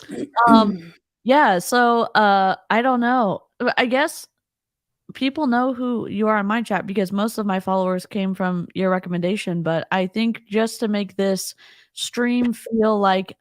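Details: Adult speaker; Normal speech.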